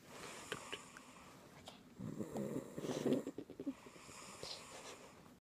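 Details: Rough, rattling snore on an in-breath from a sleeping adult, with quiet breathing around it.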